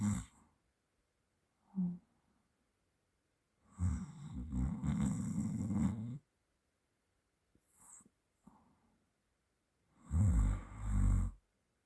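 Several low, rattling breathing sounds during sleep, separated by quiet pauses: snoring.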